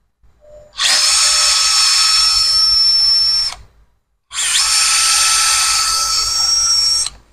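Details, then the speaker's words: Surgical power drill passing a guide wire across to the coracoid during an open modified Weaver-Dunn procedure for chronic acromioclavicular joint dislocation: two sustained high-pitched whining bursts separated by a brief pause. "So I'm just going to pass this across to the coracoid, and then we will check it in the C-arm for its position."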